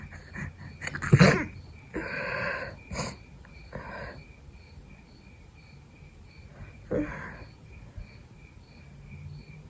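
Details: Sick person with a cold trying to fall asleep in the middle of the night: a sharp wet sneeze, snuffly nasal breaths, then a second smaller sneeze, with crickets chirping in the background.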